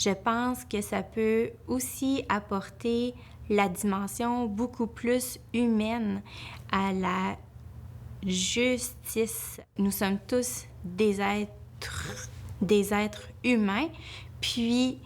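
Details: Adult woman, a family law attorney who stutters, speaking Quebec French; her stutter increased greatly when she was nervous at job interviews: stuttering.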